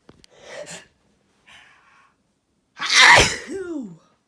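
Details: One loud explosive sneeze preceded by two quick in-breaths, trailing into a brief voiced sound.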